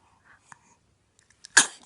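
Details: Male addressed as a gorgeous boy sneezes: a single sharp, hissing sneeze burst after a few faint sniffs and clicks; sneeze.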